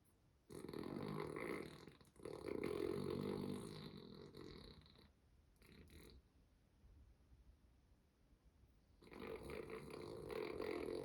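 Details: Long, rough, rattling snores with quiet pauses from Chica, a sleeping female dog wearing a shawl over a week-old bite wound on her neck; she has snored this way since puppyhood.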